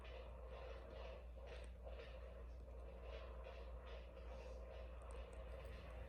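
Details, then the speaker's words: Fetal heartbeat at 20 weeks 1 day of pregnancy, found by the doctor on Doppler at a prenatal check while the baby kept moving: rapid, rhythmic whooshing pulses over a steady hum. "He was trying to find the heartbeat of the baby. He found the heartbeat, obviously, because you guys hear that in this vlog."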